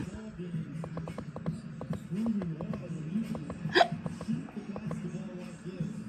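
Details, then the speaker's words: Simulated cartoon hiccups: repeated short hiccup sound effects from an animated character who drank lemonade too fast, over background music. "now she got the hiccups how do we get how do we get rid of these hiccups"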